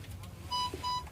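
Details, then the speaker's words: Two short, clear electronic beeps from a ResMed Astral 150 ventilator confirming stop of ventilation (3-second press) before going to standby, during a demo. "Stop paint करिए। हाँ, पहले ये हो गया। 3 सेकंड करिए। छोड़ लो, कंफर्म"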